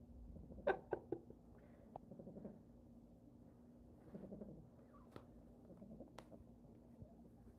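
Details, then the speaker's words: One-month-old foster puppies sleeping: soft, low, purr-like snores roughly every two seconds with a few small clicks; normal sleep snoring. "I'm trying not to talk so you guys can hear them snore cuz they do"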